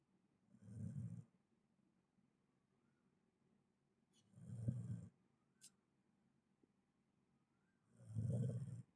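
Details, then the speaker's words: Low, rumbling snores from a girl asleep after lunch, three in nine seconds (about 16 a minute), in a quiet room; snoring. "আর মেয়েটা যে রাগ করেছে, এই মেয়েটা যে রাগ করে শুয়ে পড়েছে, কিরকম নাক ডাকছে শুধু শোনো।"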